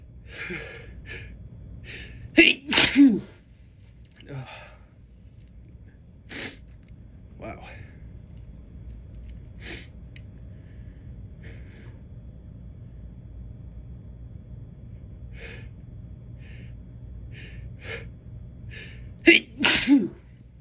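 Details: Person who reports feeling allergic lately, deliberately provoking sneezes: repeated forceful sneezes with short breathy lead-ins and false starts, a little talking, over steady background hum; allergic sneezing.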